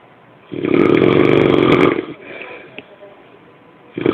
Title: Loud Snore 7